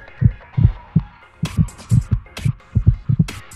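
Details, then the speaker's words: Atrial fibrillation heartbeat demonstrated for a finger-worn cardiac rhythm monitor: rapid beats at uneven intervals, some close together, others spaced apart, over soft music; irregular, often very fast rhythm. "atrial fibrillation a common form of arrhythmia causes irregular and often very fast heartbeat"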